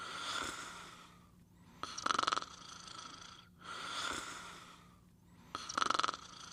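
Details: Sleeper snoring during what the owner calls a bad dream: rhythmic rattling snores on each breath, about four slow breath cycles over several seconds; snoring.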